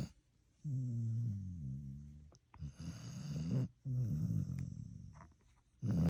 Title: The only allowed to snore and it's not annoying! 🤪😁 #dogsnoring #shorts